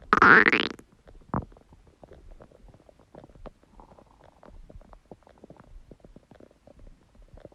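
A loud squealing gurgle followed by soft bubbling and rumbling of an empty stomach; ordinary bowel sounds.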